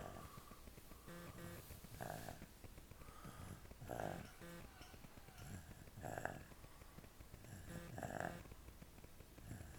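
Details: Snoring at the end of the day: soft, rumbling snores at about 30 a minute, somewhat irregular, with a faint whistling edge over a quiet, hissy room.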